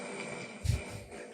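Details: Adult man's snoring, possibly played from a sleep-recording app; he says he may need a CPAP machine: a single short, low, rumbling snort-like snore rising briefly out of a steady background hum.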